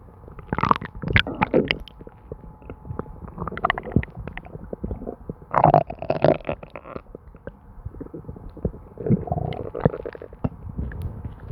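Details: Constant stomach noises: repeated low gurgling, bubbling and squelching with brief higher rushes over a faint steady hum, ordinary bowel sounds (borborygmi).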